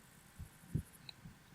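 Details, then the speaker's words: Simulated boyfriend roleplay with the listener's head on an adult man's chest: soft, muffled low heartbeat thumps with a faint bird chirp behind; normal heartbeat. "can you hear the sound of my heartbeat mhm it's all for you babe this heartbeats only for you you know if you listen real carefully I think it's trying to tap out your name in Morse code"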